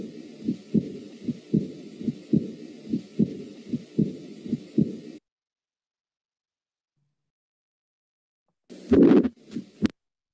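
Regular heartbeat about 80 a minute with a soft blowing early diastolic murmur after the second sound.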